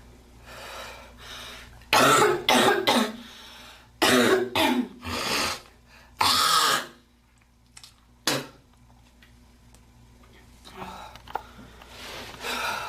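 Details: A girl coughing: several loud, harsh cough bursts in clusters, followed by throat clearing, hawking and spitting sounds, with quiet room noise between.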